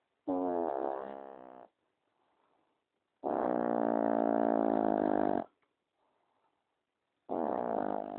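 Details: Affenpinscher dog snoring at night, with long, buzzy, growl-like snores on each in-breath, about 16 a minute, and soft out-breaths between: snoring.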